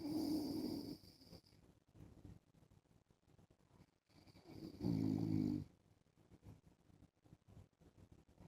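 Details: An adult man snoring in his sleep while wearing a mask: two low, buzzing snores separated by quieter rattling breath noise.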